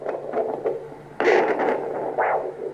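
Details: Pulsing whooshing flow from a VD8M handheld vascular Doppler probe at the ankle during ankle-brachial index measurement with a BP cuff; normal multiphasic arterial signal.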